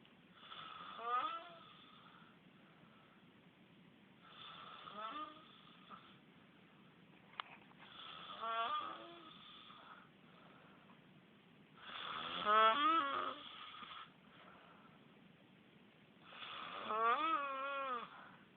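Five rattling, wavering snores, about 14 a minute, each with a fluttering, rising and falling whine, separated by quiet pauses.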